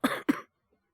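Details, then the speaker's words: Male VTuber a few days into influenza A, recovering from a fever that peaked at 39.6°C and is now in the 37s: two quick, harsh coughs, the occasional sudden choking cough; cough. "なんかこう、咳をするとね、本当に喉が痛くて咳をしてるわけではなくてみたいな、本当にちょっと嫌な咳なんですけど、常にね、出てるわけじゃなくて、たまに急に苦しくなってむせ返るみたいな、そんな咳が出て"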